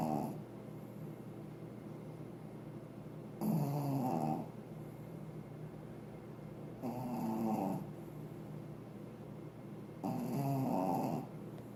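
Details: Pekingese dog snoring: three loud, rough snoring breaths in about 12 seconds, roughly 18 a minute, over steady low room hum.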